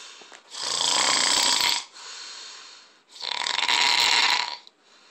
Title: Super Snore